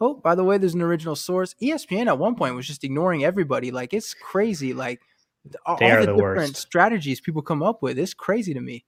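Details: Adult male speaker; ordinary speech.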